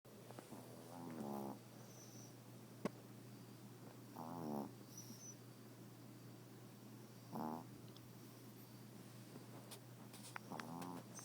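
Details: Yorkshire terrier snoring while asleep in bed: four rattling snores, one every few seconds, roughly 19 a minute, over a steady low hum.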